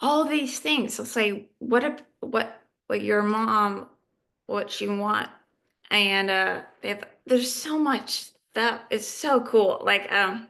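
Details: Adult woman living with aphasia; aphasia.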